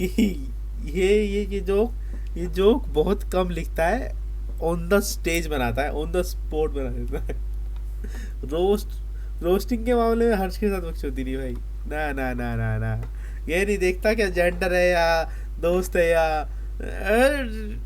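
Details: Male Hindi speaker who stammers, with a part-word repetition; stuttering.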